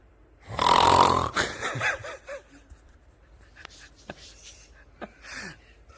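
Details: Snoring during a snoring-therapy demonstration: one loud, rough, rattling snore on an in-breath, followed by quieter breathing noises and small clicks in a quiet room.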